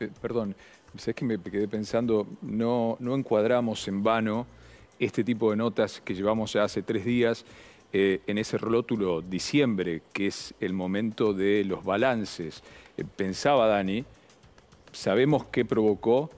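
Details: Adult male news anchor; typical speech.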